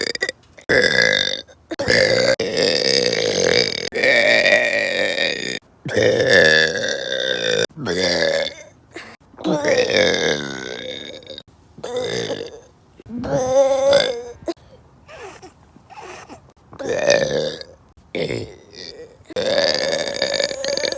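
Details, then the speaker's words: Deliberate voluntary burping on a trampoline: repeated long, loud burps, roughly 17 a minute, with pauses between; burper then reports bad stomach pain. "The burps are back, baby."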